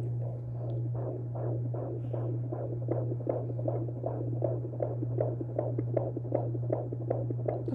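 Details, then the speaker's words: Home Doppler on a first-time mother's belly at 19 weeks pregnant: rhythmic whooshing pulses over a steady electrical hum, the baby boy's fetal heartbeat, with him moving. "we got a doppler so we've been able to hear him i'll insert a clip of his heartbeat right here at home tell me when i if i put too much pressure"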